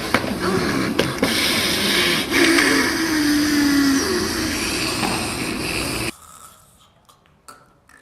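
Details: Unconscious victim: a loud, harsh, noisy gasp with a groaning note, then quiet; agonal breathing (gasping).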